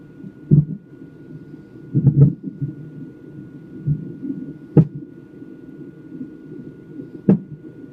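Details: Fetal hiccups recorded on a non-stress test (NST) monitor: steady whooshing with occasional sharp isolated thumps, about five in eight seconds.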